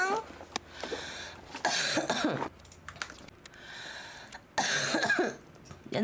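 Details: Young woman with a changed voice; two pairs of harsh, wet-sounding coughs in a small room; cough.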